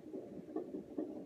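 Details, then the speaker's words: Fetal heartbeat on a CTG belt monitor during a non-stress test late in pregnancy, for a baby diagnosed with low gestational birth weight: rapid whooshing pulses. "of just sitting here enjoying getting to hear her beautiful little heartbeat and just thankful for the blessing of the baby have a great day"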